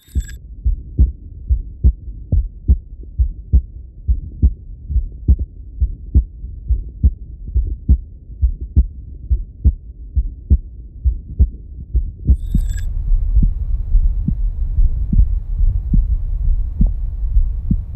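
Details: Regular heartbeat thumps at about 69 a minute, recorded back to back through two digital stethoscopes, Littmann Core Digital (sound A) and Stemoscope Pro (sound B), for comparison; heart sounds.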